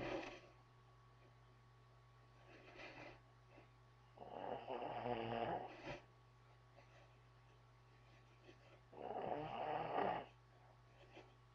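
Three loud, rattling snores about four seconds apart over a steady low electrical hum; ordinary heavy snoring.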